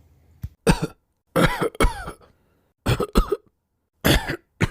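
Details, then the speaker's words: Simulated coughs by several voices, imitated to teach the Arabic letter ح (ha): short, harsh, dry coughs and throat-clearing bursts; cough. "The sound of coughing or clearing the throat. When we cough, we say ha."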